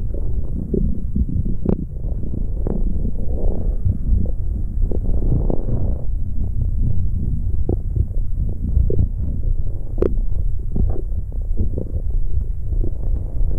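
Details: ASMR stomach growling: continuous low gurgling and rumbling with scattered pops and squelches; borborygmi.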